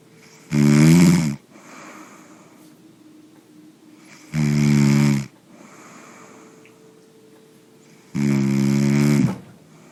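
Three loud, rattling snores on the in-breath, about 15 a minute, with quiet breathing out between; ordinary snoring.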